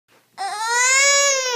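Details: 9-month-old infant: a single brief, high, clear crying wail.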